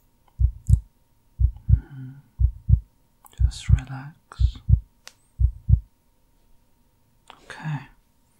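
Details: Simulated ASMR sleep-clinic exam, heartbeat layered in as added sound while the patient breathes normally: steady paired lub-dub heart sounds, about 60 a minute, with soft whispering in between; normal heartbeat.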